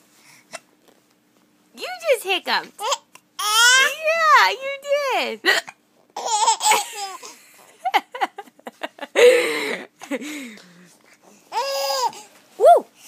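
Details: Young child with hiccups, babbling and laughing, with short abrupt catches breaking into the voice; an adult nearby says they have hiccups too; hiccups.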